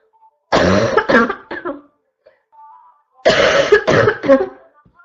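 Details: Constant barking cough: two loud harsh coughing fits, each a run of three or four barking coughs, with a short quiet gap between.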